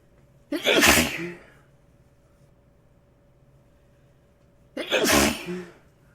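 Two sharp, explosive sneezes about four seconds apart, each a sudden burst of air, in a quiet room.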